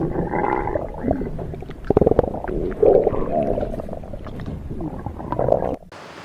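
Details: Low, bubbling gurgles and rumbling squeaks rising and falling for several seconds, ending abruptly in a faint hiss; stomach growling (borborygmi).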